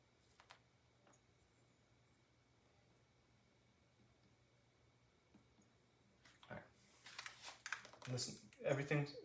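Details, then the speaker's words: Quiet room, then a series of irregular percussion taps over the nine abdominal regions giving hollow, drum-like tympanic notes; normal tympany, no marked dullness. "So, first we're going to I'm just going to go through the nine uh locations and listen for temp."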